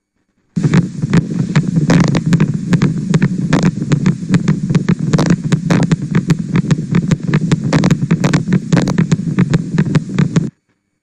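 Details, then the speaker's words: Needle EMG of the right first dorsal interosseous in a patient with involuntary twitching and rippling movements of the right hand. It gives a marching, bursting sound: the same motor unit fires at about 15 Hz within bursts and 0.2–0.3 Hz between bursts; myokymic discharges. "so that's the characteristic marching bursting sound of myokymia looking closely at the waveforms from that recording we see that the same motor unit was firing repeatedly with a maximum frequency of about 15 Hertz within a burst"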